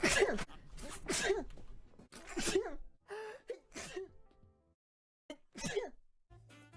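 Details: Compilation of sneezes by a VTuber from livestreams: a run of about five sharp sneezes, each with a quick gasp before it, separated by brief pauses.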